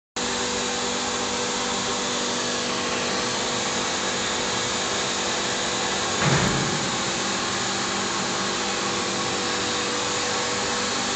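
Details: AAMI-standard reverse osmosis water system for hemodialysis running normally: a steady, loud motor and pump hum with rushing water and one brief louder surge.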